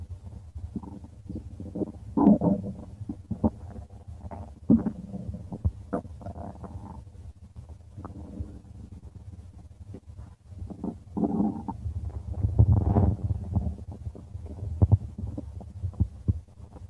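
Repeated gurgling, bubbling rumbles from the belly in irregular bursts; ordinary stomach growling.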